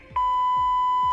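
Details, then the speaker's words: ZOLL AED 3 during a cardiac arrest rescue: a steady, clear high beep as a shock is advised after rhythm analysis, before the flashing shock button is pressed; nobody should touch the patient. "the Z aed3 will detect the victim's heart rhythm and advise if a shock is required shock advised simply follow the Easy instructions which are shown on the large display along with the voice prompts"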